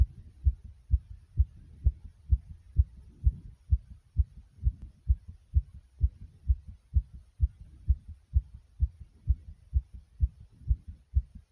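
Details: Recorder's own heartbeat: strong, regular low pounding thumps at about 128 beats per minute; pounding heartbeat.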